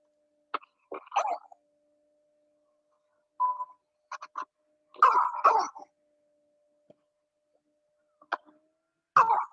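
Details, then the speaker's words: Several short, harsh, barking cough bursts from a child with a faint steady hum behind: croupy cough, from viral inflammation and swelling of the subglottic airway just below the vocal folds. "That's what a croupy sound a croupy cough sounds like that's due to a viral infection in the most narrow part of the airway, the airway just below the vocal folds, and it leads to an inflammation swelling in that area that causes that common cough."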